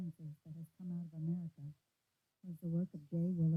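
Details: A female voice sounds muffled and mumbled, as heard through a simulation of the left ear in a case of asymmetrical sudden sensorineural hearing loss with severe mid- to high-frequency loss.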